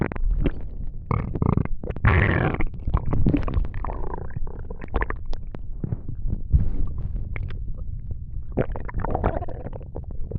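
Continuous low gurgling and rumbling with bursts of bubbling and squelching, typical of active bowel sounds, ordinary stomach rumbling.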